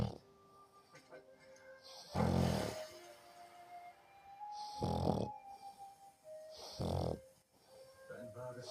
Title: Kleiner Schnarchsack